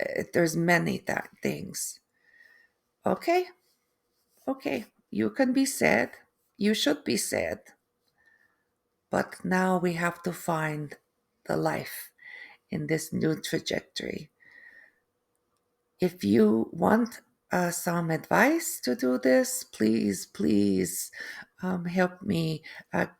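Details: Adult woman, third-generation Canadian, after a stroke: aphasia with difficulty putting sentences together and inability to write, apraxia of speech, and foreign accent syndrome beginning 3 months post-stroke; she feels she now sounds East European.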